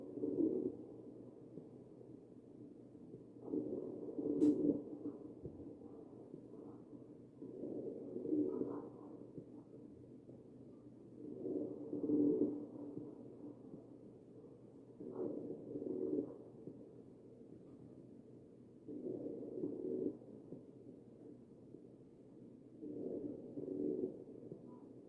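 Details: Wheezing over the chest of a real mechanically ventilated patient: regular breath cycles, about 15 a minute, each carrying a low musical whistling tone.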